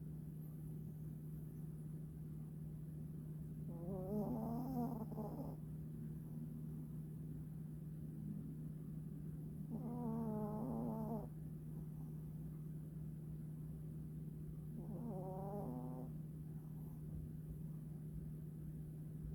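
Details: Pet cat snoring while asleep: three soft, wavering snores about every six seconds over a steady background hum.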